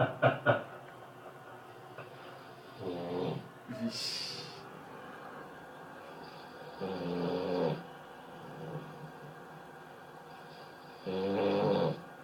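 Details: Person snoring, heard through a PS3 voice-chat line: loud, rattling snores recurring about every four seconds; a listener jokingly mentions apnea.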